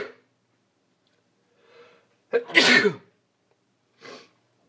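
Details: Person with allergies sneezing: quick in-breath, one loud explosive sneeze, then softer exhale; repeated sneezing.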